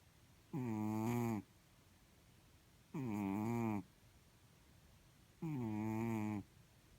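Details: Sleeping blue-grey Chartreux cat with three even, droning, tonal snores every two to three seconds against quiet room noise; soft snoring.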